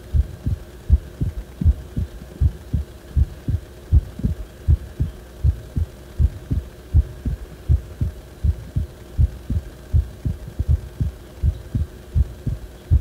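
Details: Low heart thumps about 80 per minute with uneven spacing over steady hum, recorded when the heart felt wrong; abnormal heart sounds.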